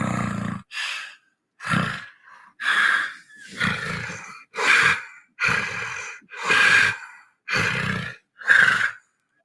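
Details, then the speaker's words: Example recording of a person with sleep apnea, played during a talk show: harsh, rattling snores with a buzzy, chirping, cricket-like edge; sleep apnea snoring. "Uh, so it says here, here's an example of what someone with sleep apnea sounds like."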